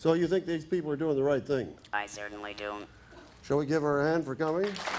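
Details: Adult male presenter addressing an audience; ordinary adult speech.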